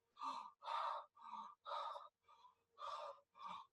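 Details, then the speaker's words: Bronchial breathing in a respiratory exam lecture: loud, harsh, high-pitched, hollow breath sounds in short bursts with silent gaps. The alveoli are dysfunctional and filled, so they no longer filter out the high-pitched sounds. "bronchial breathing is very harsh and high pitched. This is because alvola are broken. They're dysfunctional and there's stuff inside."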